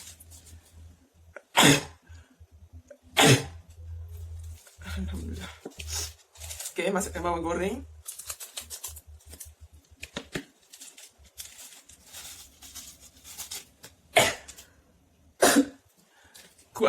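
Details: Adult sneezing fit after hot spicy food, about five sneezes in a row with short breaths and voice sounds between; sneezing fit.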